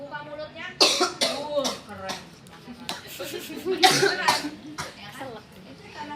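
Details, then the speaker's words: A child with progressive muscular dystrophy, too weak to cough on command, gives a few short cough bursts triggered by pressure over the windpipe. This is a paediatric teaching demonstration, with background talk. "kalau tadi kan saya suruh batuk tapi kalau dia sudah enggak punya tenaga lagi kita harus stimulasi ya kan"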